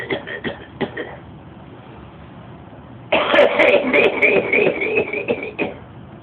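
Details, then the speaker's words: Rapid clusters of short, harsh coughs, then a long wet hacking run, from a man with 55 years of smoking: a chronic smoker's cough. "probably the craziest cough I've ever heard really yeah funny 55 years of smoke give you cough too man"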